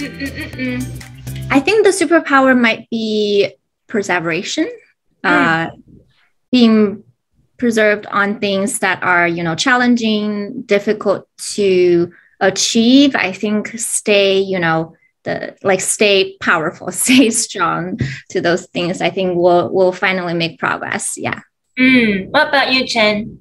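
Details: Adult woman speaking; typical speech.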